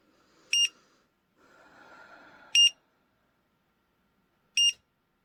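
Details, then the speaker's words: Pulse oximeter alarm, three short high-pitched beeps about two seconds apart, as oxygen saturation falls below 95% in a tachycardic patient with POTS from EDS during a lying-to-standing check recorded for her doctor. "the oxometer is beeping at me because my oxygen saturation fell below 95 and yeah that's another thing that happens when this is happening"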